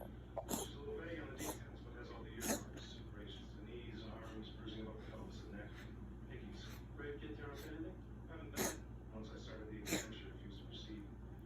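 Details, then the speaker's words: Cat having an asthma attack: a run of sharp, wheezy hacking coughs, often mistaken for hairball retching. The cat swallows afterward because it coughs up a little phlegm. This is a feline asthma cough, not vomiting. "this isn't vomiting a hairball this is a cat actually having an asthma attack cats don't usually cough because of heart disease or other reasons"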